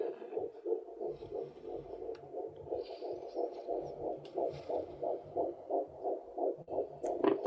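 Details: Fetal heartbeat on handheld Doppler, found after adding more gel: rapid, regular whooshing pulses, counted at about 165–170 beats a minute.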